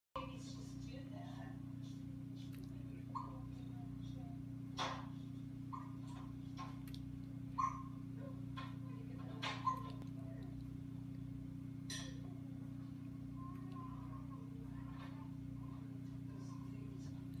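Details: A one-day-old newborn boy's first hiccups while being held: brief, soft hiccups recurring every couple of seconds over a steady low room hum.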